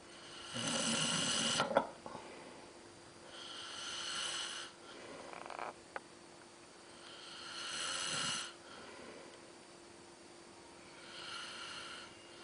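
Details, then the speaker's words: Slow, rasping snores on each breath, about five breaths a minute, with long pauses between; snoring in a sleeping man. "¿Estás roncando? ¿No? Ahora vas a ver si roncas o no."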